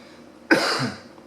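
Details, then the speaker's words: A single short, harsh cough with a throat-clearing quality from an adult suffering from a cold. "Sorry about that. My cold is kicking my butt. I'm getting through it. Sorry you have to hear the coughing and everything."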